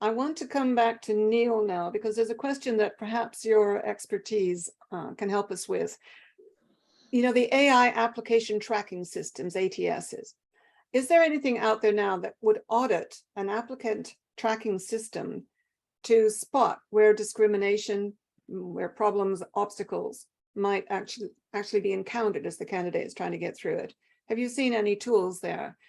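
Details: Adult; normal speech.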